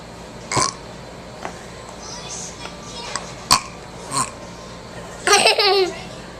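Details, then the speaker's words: A 3-year-old child, asked to take the pacifier out and burp, gives a few short, small belches followed by a brief vocal sound; burping on request. "well take the binky out and burp oh my goodness they excuse me now excuse me very good"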